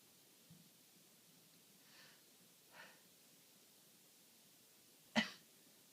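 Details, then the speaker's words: Sneezing in a person with a common cold, blocked nose and tears running from sneezing so much: two soft in-breaths building up, then one sudden explosive sneeze. "oh my god. I've actually got tears running down my face from sneezing so much."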